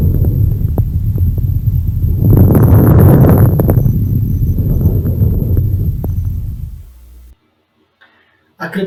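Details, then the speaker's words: Fine crackles in a lung auscultation lesson: explosive crackling sounds, explained as airways opening and closing, especially when occurring at the end of the breath. "no caso da captação fina ela é indica abertura e fechamento das vias aéreas especialmente quando ela acontece no final da respiração"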